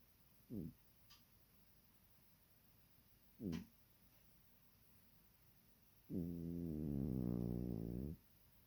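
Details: Ordinary cat snoring in a quiet room: two brief snorting breaths, then a longer, louder rumbling voiced snore.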